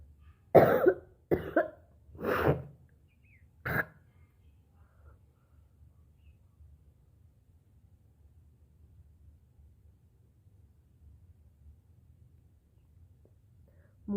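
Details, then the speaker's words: Woman coughing up thick phlegm in the morning: four coughs and throat-clearing sounds over about four seconds, then quiet room noise; a phlegmy, productive wet cough, later turning dry. "वाला बहुत कफ है। पूरा मोटा कफ निकल रहा है गाइस।"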